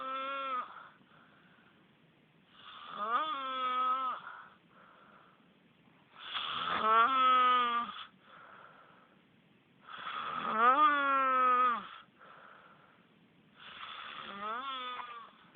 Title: Spooky Snore